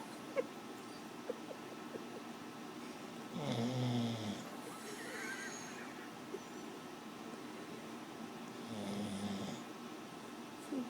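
Two soft, low rumbling snores about five seconds apart over quiet room noise; snoring in a sleeping pet.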